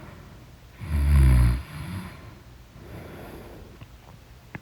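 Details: Person snoring in deep sleep: one loud, deep rattling snore, then a softer breath out; heavy snoring.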